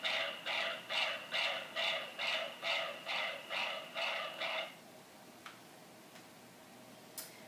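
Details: Fetal heartbeat from a cell phone recording, played through a small speaker into a recording module: rapid, regular whooshing Doppler pulses at about 140 a minute.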